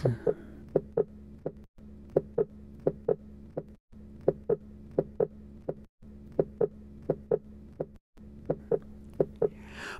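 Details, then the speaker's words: Simulated pulse synchronised to heart sounds for teaching: beats arriving in close pairs, each pair followed by a longer pause. This is pulsus bigeminus, a normal beat coupled with a premature beat. "normal apples hyperkinetic or bounding bulbs water hammer or collapsing pulse pulses Purvis or low volume pulse Pulsar was a tireless dichrotic pulse anacrotic pulse pulses this variance pulses alternates pulses by geminus"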